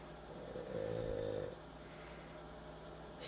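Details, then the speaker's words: Sleeping female dog snoring after earlier hiccuping: one rumbling, buzzing snore lasting about a second over steady low background hum. "That is the dog snoring."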